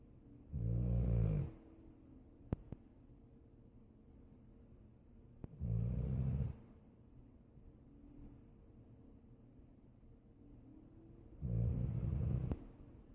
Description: Our sweet foster dog, Regal, snores gently.